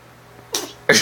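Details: Two short, breathy sneeze-like bursts from a baby prompted to say "bless you", imitating a sneeze rather than truly sneezing; fake sneeze.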